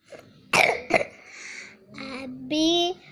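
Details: A young child gives two sharp coughs, then brief voiced sounds.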